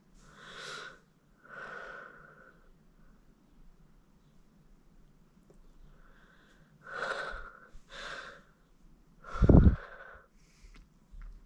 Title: Teasing My Nose With a Feather And Sneezing